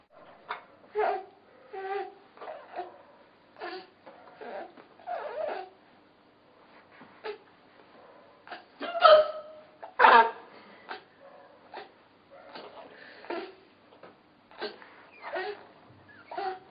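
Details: Mother hiccuping: repeated short, abrupt voiced catches at irregular intervals, about one a second, with faint laughter-like sounds between them; hiccups.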